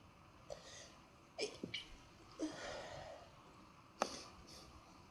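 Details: Several short, sharp explosive bursts with quick breathy follow-through, about four in five seconds; a run of sneezes.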